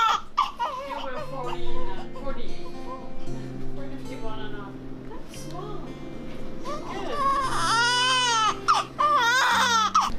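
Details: Newborn baby boy, 20¼ inches long, in hospital just after birth, under a warming heater while being checked: repeated high-pitched crying in short bursts over background music, a normal newborn cry.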